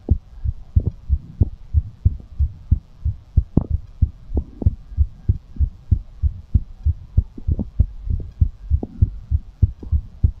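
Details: Quick, steady, low thumping heartbeat of about 95 beats a minute, recorded as an ASMR heartbeat after exercise: a normal rapid heartbeat after exercise.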